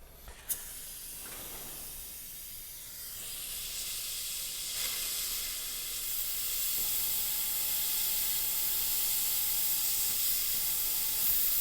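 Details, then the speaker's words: Steady loud hissing spray with a faint thin tone from an Aquacare air abrasion unit finishing a cavity after hand excavation of decay guided by caries detection agent, bevelling enamel, under rubber dam, without anesthetic. "And that's relatively easily accomplished using the caries detection agent as a guide. We'll follow up with a finish with the air abrasion."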